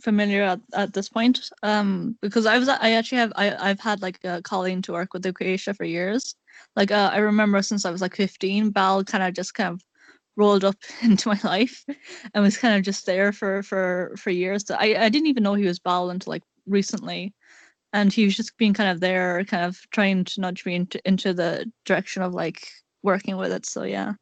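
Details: Male speaker who describes himself as having an awful stutter, repeating words; stuttering.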